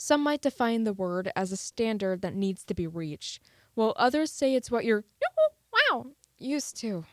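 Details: Vocal tic in a female student with Tourette's syndrome; she can briefly hold her tics in but they eventually occur, and they are not painful.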